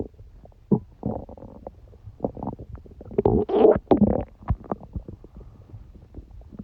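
Irregular gurgling and rumbling bursts, some low and drawn out; ordinary active stomach and bowel noises.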